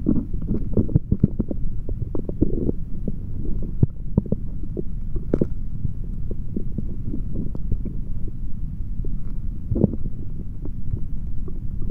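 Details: Male stomach recorded with a stethoscope after drinking a chocolate protein shake: steady low rumble with frequent gurgles and clicks throughout; active bowel sounds, normal stomach growling.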